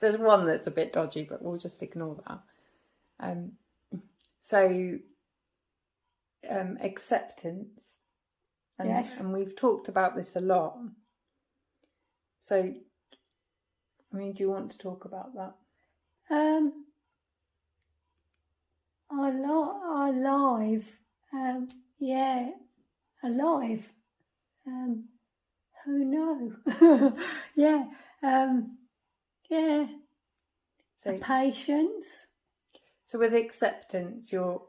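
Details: Non-fluent aphasia in a woman after a stroke at age 46; halting speech with word-finding pauses.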